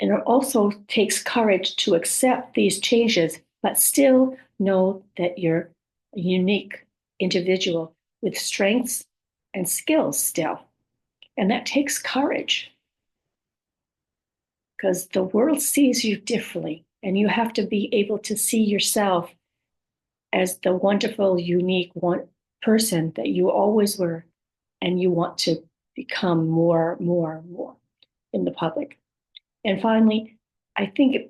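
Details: Woman with communication challenges after a stroke, her speech sometimes hard to understand; aphasia with apraxia of speech and dysarthria.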